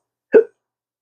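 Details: Adult man with chronic hiccups: one sharp, abrupt hiccup, a sudden voiced gulp.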